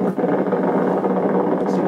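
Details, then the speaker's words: Needle EMG during a study for suspected carpal tunnel syndrome, as the female patient increases contraction force: dense, continuous crackling buzz as firing rate rises and many small motor units fire together; full recruitment. "so now we'll see a full contraction okay she's she's increasing the force so you'll see the rate of firing becomes more and there are new unit yeah new units will come in the picture"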